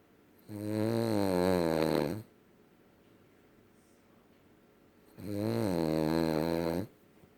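Two long, loud, buzzing snores a few seconds apart, the rattle of vibrating soft tissue on each breath; typical dog snoring.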